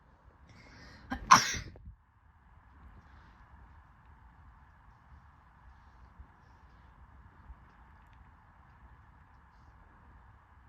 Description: Just 7 times of myself sneezing